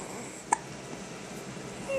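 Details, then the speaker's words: Single sharp brief hiccup from an infant against quiet room noise. "You got the hiccups, so you mad?"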